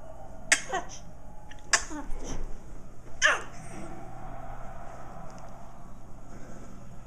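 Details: Three sharp, explosive sneezes with airy tails, over steady low room hum.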